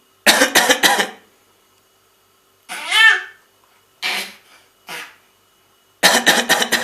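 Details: A child coughing repeatedly: two bursts of several quick coughs with a few single coughs and a brief voiced sound between them.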